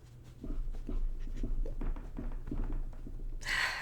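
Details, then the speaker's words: Person with Tourette syndrome whose tics are heightened after picking up a new tic in recent days: a rapid run of short, breathy grunting noises in a pause from speech, vocal tics. "picked up a new tic over the last couple of days, and they've been a little heightened. So that's why it's going a little nuts right now."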